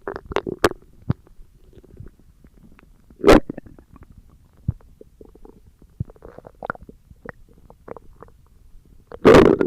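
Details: Irregular gurgles, squelches and low rumbles with a few louder bursts from the abdomen; ordinary stomach growling (borborygmi).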